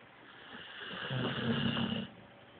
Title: My brothers dog snoring lol